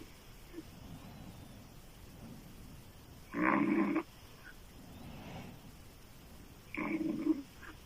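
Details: Loud, harsh, rattling open-mouth snoring from a female sleeper, two snores about three seconds apart with soft breathing between.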